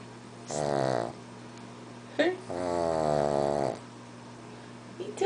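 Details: Snoring pug (flat-faced dog) asleep: two long, buzzing, vibrating breaths with a snort between them.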